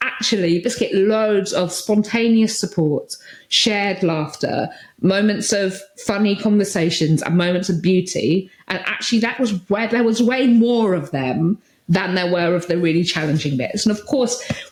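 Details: Adult woman speaking; Vocal tics (Tourette syndrome).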